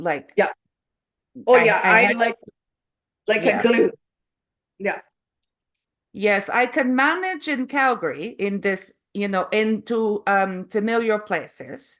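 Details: Adult woman with foreign accent syndrome since July 2010, onset after an event that year; her accent shifts between varieties; she also has memory, number and comprehension deficits; foreign accent syndrome.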